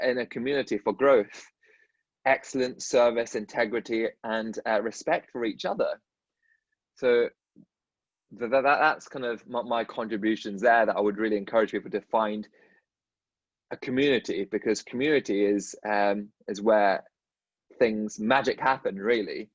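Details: Dentist who stutters, speaking in a podcast conversation with another dentist who stutters; stuttering.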